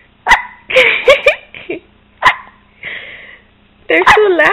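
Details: Baby with repeated loud hiccups: five sharp, abrupt hiccup bursts at irregular intervals with short voiced sounds between them.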